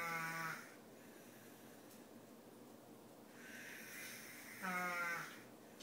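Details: Adult snoring during sleep; two brief, buzzing, nasal snores on inward breaths about four seconds apart, with quiet breathing between.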